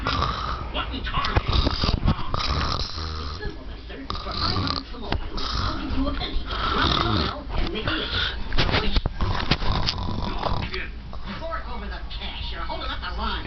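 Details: Loud, rough, low rattling snoring with a fluttering vibration throughout, from a woman who is apparently awake with her eyes open.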